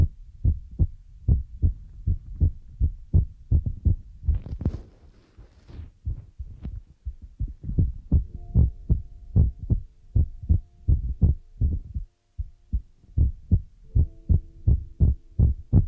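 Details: ASMR with feather rod, brushing, water and ear-massage sounds: soft, low, regular heartbeat thumps at roughly 85 a minute, brief brushing and faint tones behind; heartbeat.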